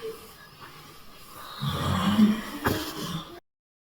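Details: A grandfather snoring: a single loud, rough snort with a brief whistling edge on the in-breath.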